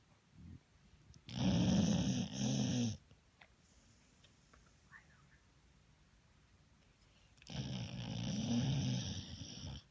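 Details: Hazel the pit bull asleep, possibly moving as if running in her sleep, with her tongue out: snoring.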